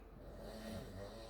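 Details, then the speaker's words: Man snoring while asleep in a chair; snoring. "And you get to hear the tone-deaf Wookiee who is snoring in the chair."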